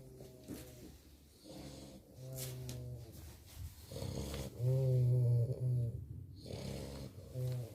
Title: Boerboel puppies fast asleep snoring